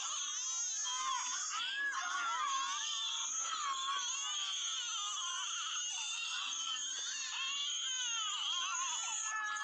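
Continuous high-pitched newborn crying in short, choppy bursts with catches between cries; an ordinary infant cry.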